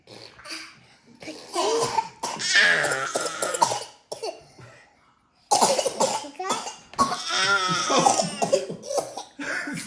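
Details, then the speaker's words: Toddler triplets coughing on purpose in a playful coughing contest, repeated bursts mixed with giggling and laughter while a parent tells them to stop; voluntary cough. "Stop. You're going to make yourself throw up. Stop coughing. Making yourself cough, okay?"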